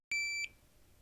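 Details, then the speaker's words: Single clear high-pitched electronic beep as a Philips HeartStart OnSite AED is switched on during a demonstration, placed beside the patient; AED power-on beep. "set the AED on the same side of the patient as you press the on"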